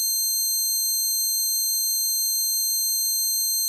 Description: This is the closest I could get to replicating the sound of my tinnitus.